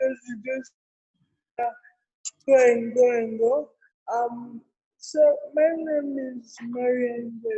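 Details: Adult woman with cerebral palsy present since birth, given extra time in an interview so she can be heard clearly; dysarthria (cerebral palsy).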